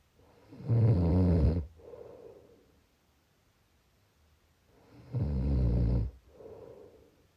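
Two loud, low, rattling snores on the in-breath, each followed by a softer out-breath, about eight breaths a minute. Typical snoring.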